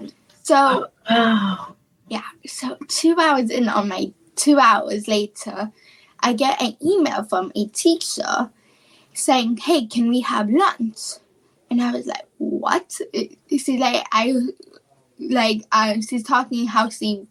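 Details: Childhood apraxia of speech, a neurological speech disorder, in a female high school senior; speech therapy since about age four, once only 10% understandable.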